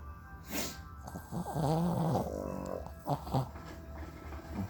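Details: Sleeping dog with funny, loud snoring; loud, rough snorting snores in short bursts with music playing in the background: snoring.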